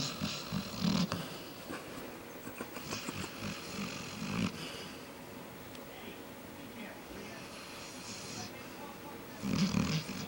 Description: Try living with this dog! She is cute. But she snores like crazy.